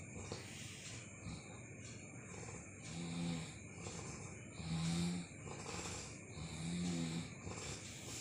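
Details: Sleeping person: three low, rattling snores about two seconds apart over steady background hiss; loud snoring during sleep.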